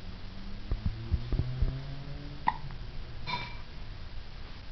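Several soft, quick hiccup jolts close together over a steady low hum.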